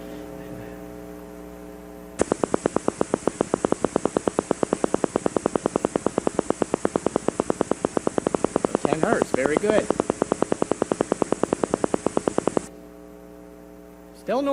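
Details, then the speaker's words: Steady semi-rhythmic popping from a single motor unit at about 8–9 Hz before a second unit joins; normal recruitment on needle EMG. "so you can have one unit firing up to about ten Hertz and that'd be normal"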